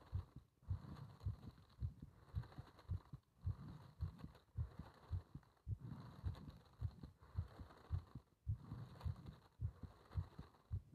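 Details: Regular, fairly fast low heartbeat thumps around 100 a minute with breathing noise between beats; heart sounds during paper-bag rebreathing, part one.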